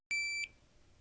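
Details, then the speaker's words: Single short, high electronic beep in a quiet room as the on button is pressed on a Philips HeartStart OnSite automated external defibrillator during a cardiac arrest use demonstration: AED power-on beep. "Set the AED on the same side of the patient as you. Press the on button."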